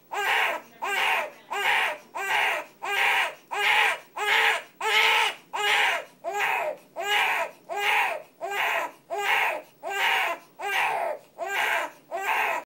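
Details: Infant crying in an unusual cry, short, evenly spaced bursts about 87 a minute, each a brief rising-falling wail; infant crying.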